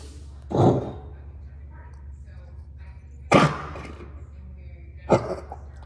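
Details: Three short, separate explosive coughs a few seconds apart over a steady low background hum.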